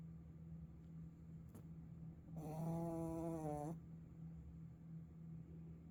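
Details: Drawn-out, slightly whistling snore from a sleeping puppy over a steady low room hum: snoring.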